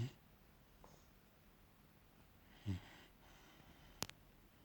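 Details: Snoring puppy, a Labrador and German Shepherd mix, asleep; snoring.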